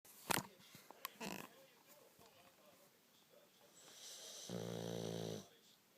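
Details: Sleeping dog named Jack: after some rustling, one snore with a buzzing, fluttering tone.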